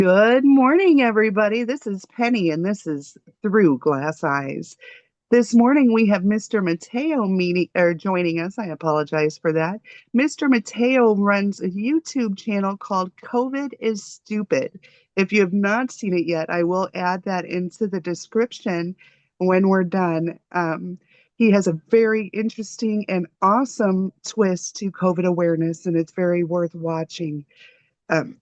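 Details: Adult woman speaking; normal speech.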